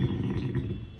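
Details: Snoring.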